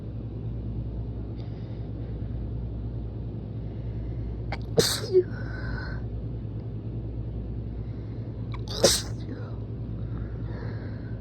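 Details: Induced sneezing in a person with a tickly nose over the last few days: two forceful, explosive sneezes about four seconds apart over a steady low background rumble.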